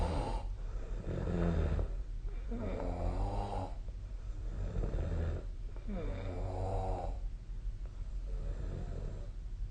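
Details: Snoring during sleep recorded with the SnoreLab app: repeated low, rumbling snores, some with a fluttering, buzzy tone, recurring every few seconds in a quiet room.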